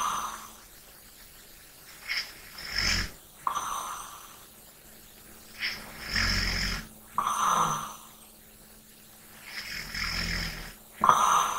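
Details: ASMR recording for relaxation: sleep breathing with snoring on the in-breaths, four or five cycles, about 16 breaths a minute, slightly irregular; snoring.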